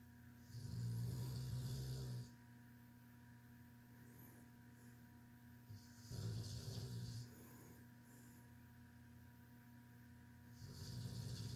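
Low rattling snores every few seconds over steady room hum, with soft hissing in between; snoring.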